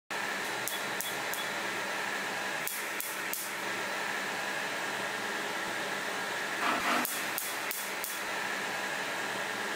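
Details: PicoWay picosecond laser tattoo removal on difficult ink: bursts of sharp rapid laser clicks over a steady machine hum as the laser fires.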